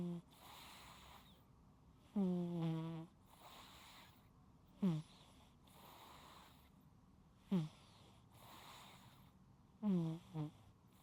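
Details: Snoring in a sleeping cat: quiet breathing broken by short squeaky, whistling snorts about every two to three seconds.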